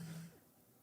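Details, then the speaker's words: Pet dog snoring in the background of a room, owner calls him insanely loud; a brief, low, buzzing rumble that fades out. "Can you hear my dog snoring? He is snoring. It is incredible."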